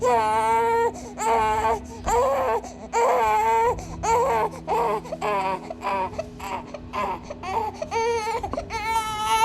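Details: One-month-old infant crying for a baby bottle: rhythmic, rising and falling wails with short breaths between, an ordinary hunger cry.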